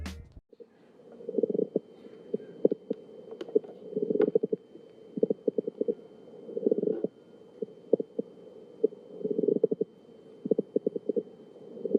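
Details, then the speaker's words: Pleural friction rub from inflamed pleural surfaces rubbing during chest movement: harsh grating, creaking clusters with each inspiration and expiration, best heard over the lower anterior and lateral chest; potential causes include tuberculosis and pneumonia. "the sound quality is considered a harsh grading or creaking potential causes include tuberculosis and pneumonia"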